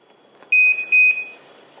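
Two clear, high electronic beeps as an AED trainer powers on when its cover is opened; a normal device start-up tone.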